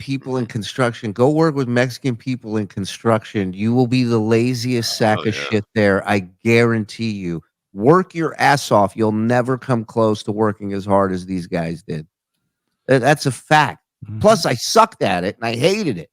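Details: Adult man; typical speech.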